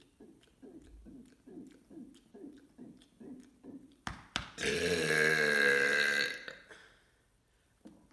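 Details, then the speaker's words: Deliberate "mega burp" from a series of 15: gulps of swallowed air, then a loud, long, rumbling belch lasting about two seconds; burping. "Today I'm going to be doing 15 mega burps."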